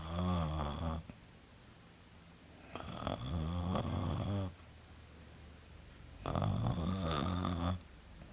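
Loud, rough, vibrating snores with quieter breaths between them, three in about eight seconds; snoring.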